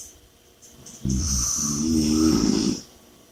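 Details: One loud, rough, vibrating snore with heavy breathing during sleep; snoring.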